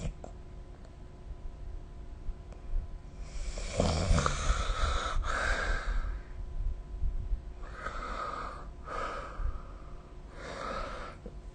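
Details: Snoring recorded with the SnoreLab phone app; rough, noisy breaths repeating about every two to three seconds from a sleeping adult, over a hissy phone recording.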